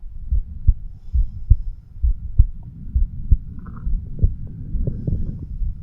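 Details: 36-year-old man recording his own heart with a homemade microphone stethoscope over the bicuspid (mitral) valve area: soft low thumps at about 65 a minute over a steady hum; normal heart sounds.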